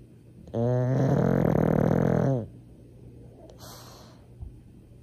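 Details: Pug snoring, possibly with eyes open: a loud, rattling, low-pitched snore about two seconds on the in-breath, then a softer airy breath out.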